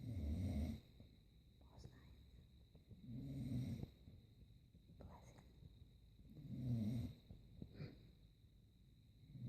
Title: Housemate snores again